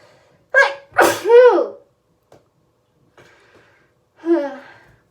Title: Crazy hayfever sneezes that kept coming!